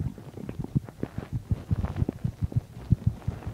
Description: So here my stomach is digesting chicken and milk.